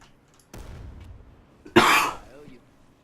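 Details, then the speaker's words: A single short, harsh cough from an adult male streamer who says he has a bit of man flu, after a brief low rumble of background noise: cough during a cold. "you can hear the cough I'm going through a bit of man flu at the minute so do apologize if it's get me now and again"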